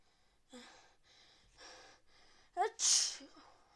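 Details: Sneezing in a person with a suspected cold after time in the rain, with fever, frequent sneezes and nose-blowing: several quiet sharp in-breaths build to a loud explosive sneeze.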